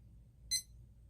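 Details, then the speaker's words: Single short high beep over quiet room hum: startup tone of a Napoli combination therapy unit (ultrasound/electrical stimulation) during its 6–10 second boot process when turned on. "the combo care or combo unit when it's turned on it goes through a 6 or 10 second boot process"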